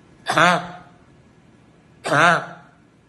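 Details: Involuntary, partly suppressible vocal tics in a patient with Tourette syndrome, a tic disorder with motor and vocal tics present at least one year and starting before age 18.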